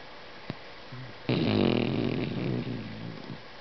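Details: Female dog snoring while asleep, tired after a mountain hike: a faint snort, then one long, loud, fluttering snore on a single breath.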